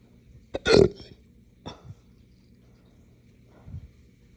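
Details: Three abrupt throat sounds: a loud belch-like burst, then two softer hiccup-burps. Hiccups with belching, a bad bout from drinking morning coffee too fast on an empty stomach.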